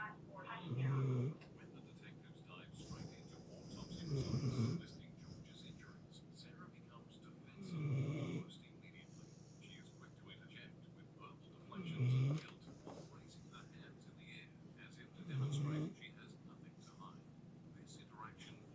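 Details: Snoring from a 5-year-old red-nose Pitbull asleep in bed, falling back asleep instantly: loud, low, rattling snores about every three and a half seconds, roughly 17 a minute, over a steady background hum.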